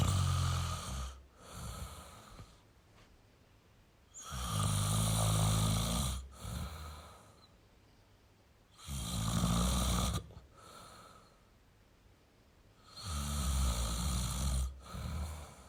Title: Male Snoring Sound toYou don't feel alone